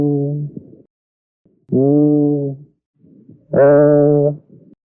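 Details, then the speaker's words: Egophony heard with a stethoscope over a suspected area of consolidation while the patient says "E". Three sustained vowels come through with a nasal, bleating "A" quality instead of "E". "When consolidation is present, the spoken "E" sound is audible as an "A" sound, similar to that produced by a bleating goat."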